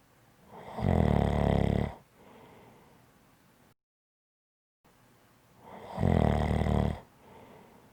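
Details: Loud, rough snores on each breath in, about one every five seconds, with quiet breathing out between them; ordinary snoring.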